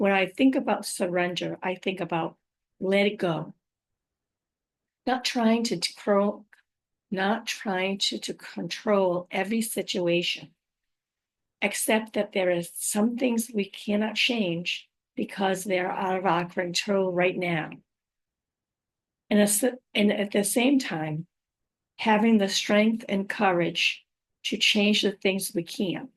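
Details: Aphasia with apraxia of speech and dysarthria in a woman after a stroke about five years earlier; her speech can sometimes be hard to understand; aphasia with apraxia of speech and dysarthria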